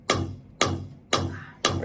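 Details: Sharp, regular percussive pulses about two per second from a shockwave therapy device applied directly over the left kneecap for chronic knee pain, at a malunited teenage hairline patellar fracture with degeneration; patient reports it is the most painful spot.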